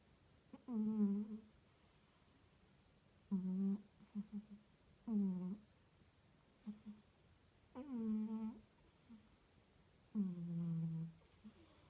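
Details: Female cat sleeping on a suitcase and snoring: short, voiced, buzzing snores about every two to three seconds, with small snuffles between them; harmless.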